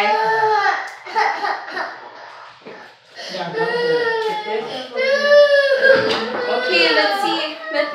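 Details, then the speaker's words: Young boy at a doctor visit, held for an injection after his sister had hers: loud, wailing sobs in a small room while an adult says "Don't cry." Child crying in distress. "Don't cry. Look, sister didn't cry."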